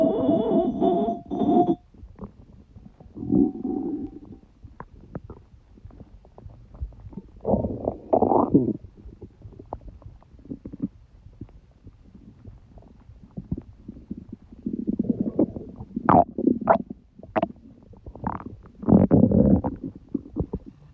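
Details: Stomach noises of a person who has a cold: irregular gurgling and rumbling, some with brief squeaky tones; bowel sounds (borborygmi).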